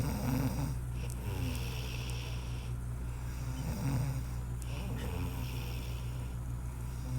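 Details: Woman (sister) snoring while asleep: a steady, low, rattling snore repeating about every two seconds, with faint room noise behind.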